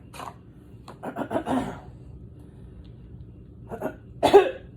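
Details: A few harsh, rough coughing bursts with throat clearing in a quiet room from an adult who says they are sick, with nose blowing and sneezing, and who reports smoke outside; cough.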